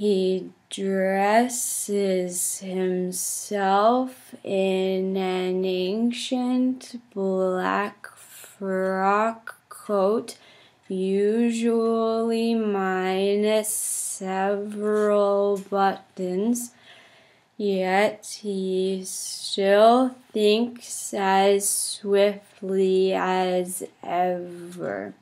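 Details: Continued demonstration of a stuttering therapy technique while reading the Grandfather passage: fluency-shaping speech (easy relaxed approach with smooth movements).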